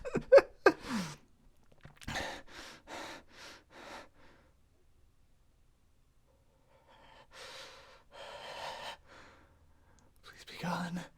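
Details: Persistent, unusually squeaky hiccups: sharp gasping catches, then a run of short rhythmic breathy bursts and strained sighing breaths.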